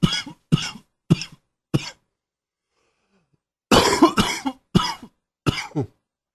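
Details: Coughing with a cold setting in: two runs of short, forceful coughs, nine in all, separated by a pause.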